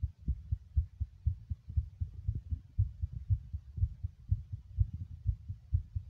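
Soft, muffled low thumps in a steady rhythm, roughly 120 a minute. A fast adult heartbeat.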